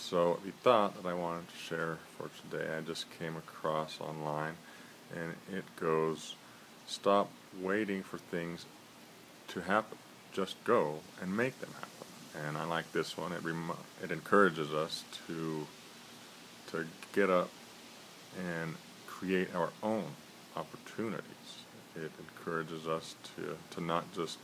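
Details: Stuttering in an adult man who describes himself as a person who stutters, with frequent trouble on S and F sounds; he tries to use stretching techniques.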